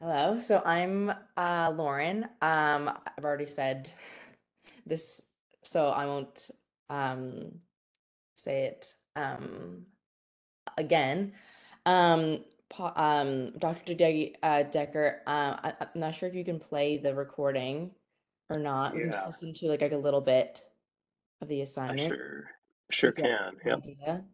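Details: Stuttering in a young woman, a student who describes herself as someone who stutters, speaking live.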